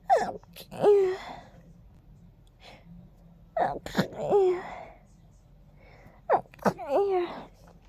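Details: Three sneezes a few seconds apart, attributed to pollen tickling the nose, each with a sharp in-breath and a voiced burst; repeated sneezing.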